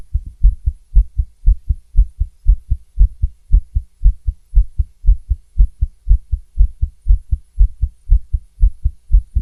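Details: Female heartbeat recorded through a stethoscope: fast, about 118 beats a minute, with an occasional skipped beat breaking the rhythm; fast heartbeat with skipped beats.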